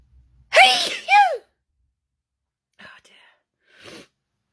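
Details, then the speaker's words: Paroxysmal sneezing fit that began while looking at a phone watching TikTok, cause unknown: two loud voiced sneezes in quick succession, then quiet breathy sounds, followed by needing to blow the nose. "Actually, I was watching TikTok when I started sneezing. Do you think it's TikTok is making me sneeze?"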